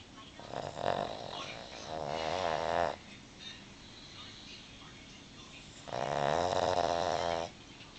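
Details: Sleeping Boston Terrier dog, eyes open yet sound asleep: loud rattling snores, two long snoring breaths with a quiet pause between.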